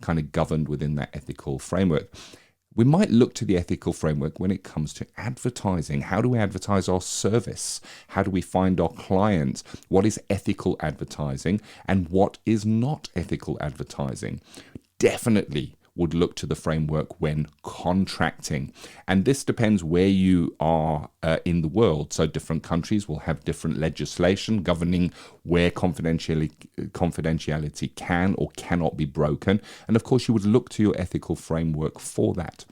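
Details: Adult man speaking; normal speech.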